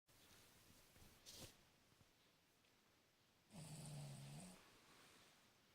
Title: Cavalier King Charles Spaniel Snoring Very Loud